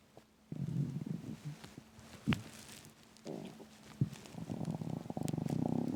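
Loud, drawn-out rumbling and gurgling growls from an empty stomach: normal hunger borborygmi.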